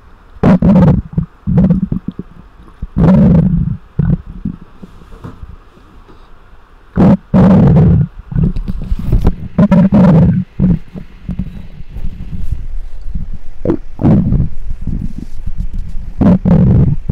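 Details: Loud, deep gurgling growls and rumbles in repeated bursts, picked up by a microphone close to the belly; ordinary stomach growling (borborygmi).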